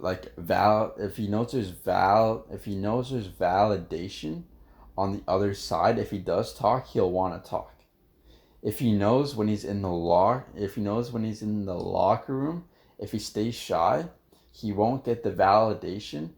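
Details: Stuttering in an adult man who stutters, with part-word and phrase repetitions.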